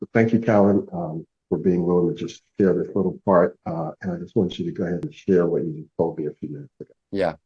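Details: Adult man speaking; no speech disorder.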